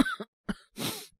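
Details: Acted (all performance) cough by a male voice actor playing a young man with a cold, coughing since yesterday, no sore throat or fever: two short cough bursts then a longer breathy exhale, dry cough.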